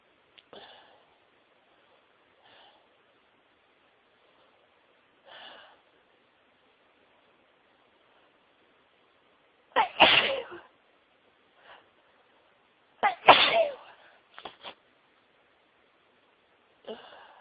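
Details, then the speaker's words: Soft sniffs and catching breaths build to two forceful sneezes, then further quick breaths. It is a sneezing fit at home after a person had been sneezing all day at work. "Excuse me. I've been sneezing all day. Oh, bless me. Oh, this sneezes a bit all over my chest."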